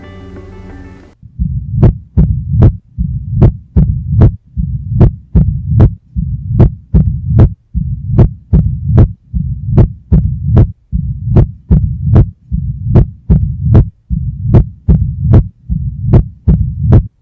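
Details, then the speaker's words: Sharp heart sounds about 76 a minute with a continuous low rumble between beats, a mid-diastolic murmur of mitral stenosis. "Por antonomasia, el soplo mesodiastólico o telediastólico típico es el originado por la estenosis mitral. Este soplo se ausculta mejor en el foco apical y en decúbito lateral izquierdo."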